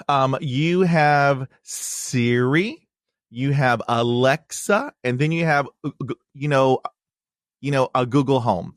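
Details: Stuttering in an adult man who stutters, a podcast host, with part-word and word repetitions heard.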